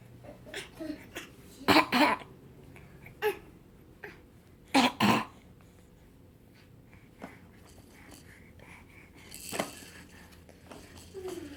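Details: Infant giving a few short, deliberate, playful fake coughs in a quiet room.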